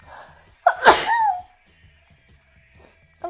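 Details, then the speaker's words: Single loud, sharp sneeze with a brief voiced cry, then quiet; the person says "Bless me, sorry about the sneeze"; sneeze from a sneezing compilation. "I'm sorry. Bless me. Sorry about the sneeze."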